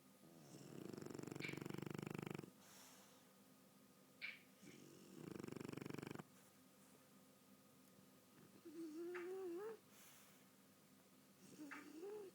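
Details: Sleeping dog snoring: two long rumbling snores on in-breaths, then softer squeaky nasal sounds, with faint room noise.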